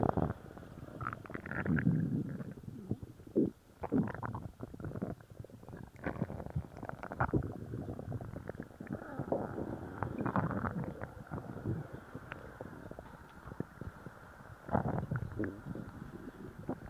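Frequent low gurgling and rumbling bowel sounds with bubbling pops; loud, active stomach growling after a laxative.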